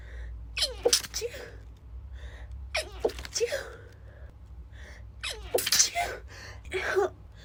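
Three stifled sneezes, each with a short gasping intake before a muffled, pinched burst, in a quiet room with low hum.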